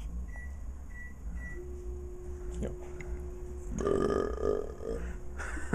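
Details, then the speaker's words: Boys burp on request: a short, low, gulping burp over room noise with a steady hum and a faint beep. "jeff burp do that again jack yeah burp twice dude jeff oh there's another burp come on"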